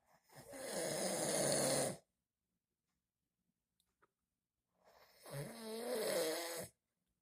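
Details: An adult man, the father, snoring in sleep: two long, loud, rough snoring breaths in a row separated by a quiet pause; typical heavy snoring.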